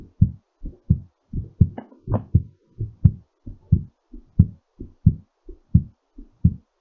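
Firm, regular lub-dub heart sounds at about 88 beats a minute, a normal heartbeat during recovery after exercise.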